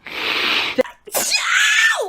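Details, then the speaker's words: Woman's hissing breathy inhale, brief catch, then a loud sharp sneeze trailing into a falling voiced tail; sneeze. "oh I have to sneeze get it out get it out come on come through come through girl that felt so good"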